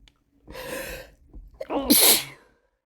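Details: Male sneezing with a cold: a drawn-in breath, then one loud, explosive sneeze ending in a short trailing exhale.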